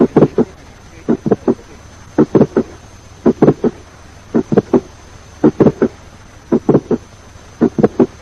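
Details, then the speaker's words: More than one click in systole: two systolic clicks heard; multiple systolic clicks. "Sometimes there may be more than one clicks in the systole."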